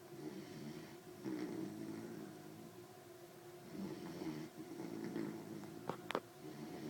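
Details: Sleeping puppy snoring loudly: low rattling snores in slow repeated breaths, with a couple of sharp snorts near the end.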